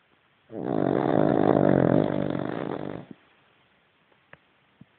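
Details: Sleeping Cavalier dog: one long, loud rattling snore followed by quiet; snoring.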